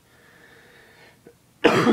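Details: Sick adult at night, about to take cough syrup: a quiet room, then a single sudden harsh cough.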